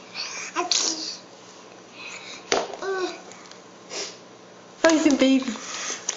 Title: Twins Sneeze دوقلوها